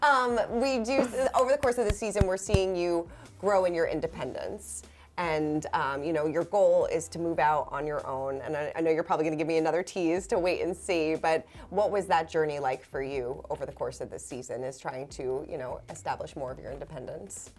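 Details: Adult woman, interviewer; typical speech.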